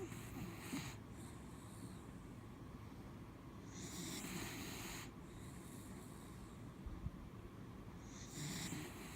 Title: Mishti snoring- part 3